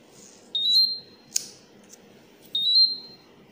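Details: Repeating high electronic alarm tones with a click between them from a Terumo infusion pump: an air-in-line alarm.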